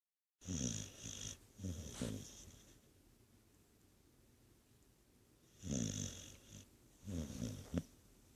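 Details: Dog snoring loudly in sleep: loud, rattling snores in clusters with a whistling edge, separated by quiet pauses; snoring.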